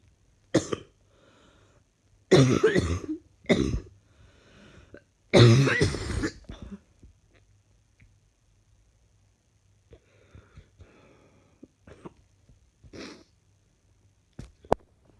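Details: Several loud, harsh cough bursts and throat clearing in a quiet room, then quieter breathing, from a person feeling unwell with an ongoing cough; cough.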